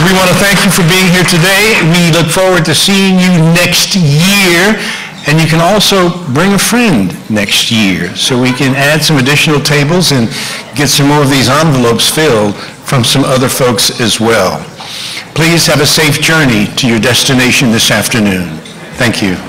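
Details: Adult male speaker at an event; normal speech.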